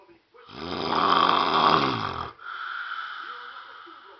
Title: My Dad Snoring LOL!!!